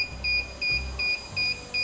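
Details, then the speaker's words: Argon plasma device in pulse mode, arc switching on and off at about 42% duty: steady high-pitched beeps about every half second over a low hum, beeping only while the device tip is on. "So what you hear, this beeping, is when it beeps only when the tip of the device is on."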